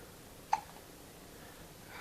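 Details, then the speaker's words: Infant in a quiet room gives a single sharp, brief hiccup; normal baby hiccups. "Have you got baby hiccups? Baby hiccups."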